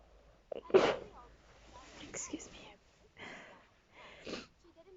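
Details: Tired person sneezing: one sharp, explosive sneeze, then softer vocal sounds and two further short bursts, preceded by "excuse me" and "I just want to sleep"; sneezing.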